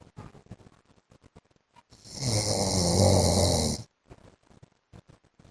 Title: 15 MINUTES MY HUSBAND'S SNORING SOUND